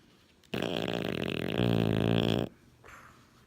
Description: French bulldog snoring